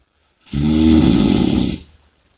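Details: Snoring and heavy breathing audio: one loud, harsh, rattling snore lasting over a second on an in-breath, during sleep.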